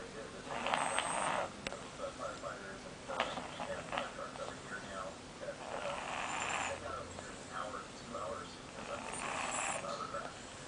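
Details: Snoring during sleep: soft, rhythmic, breathy snores repeating every few seconds against quiet room noise.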